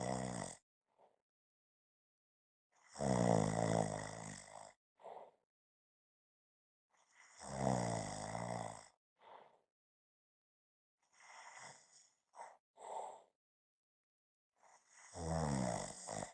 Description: This is a 5-minute clip of snoring.